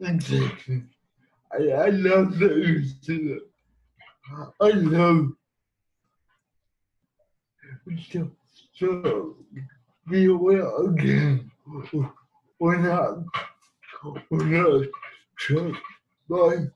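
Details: Adult man living with cerebral palsy; dysarthric speech in cerebral palsy.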